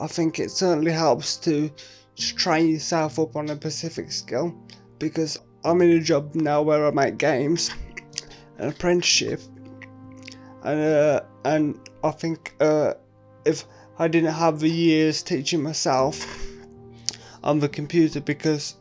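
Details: Adult man with quadriplegic cerebral palsy; no speech disorder is named; speech in cerebral palsy (possible mild dysarthria).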